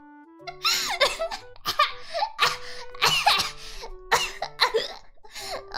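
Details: Adult woman coughing repeatedly during a live stream: a rapid run of about eight sharp, harsh coughs over background music.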